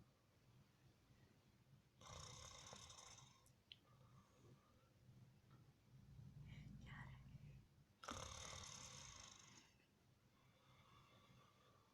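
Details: Sleeping adult father snoring, apparently open-mouthed: two long, rough, rattling snores about six seconds apart, quiet breathing and soft talk in a small room; son reacts.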